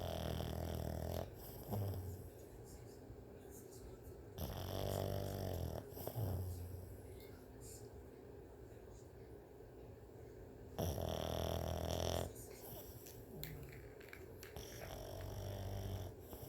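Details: Sleeping pug dog snoring: loud, low, rattling snores in long noisy bursts with quieter breathing between them.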